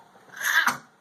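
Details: Female dog that has been coughing, gagging and sneezing repeatedly for 10–15 minutes, owner worried and considering a vet visit: a single sharp, hissing sneeze-like burst rising over half a second and ending abruptly.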